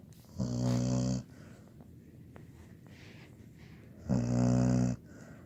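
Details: 17-year-old female labradoodle asleep: loud, long, rumbling snores, about 2 breaths over five seconds, with quiet pauses between; heavy snoring.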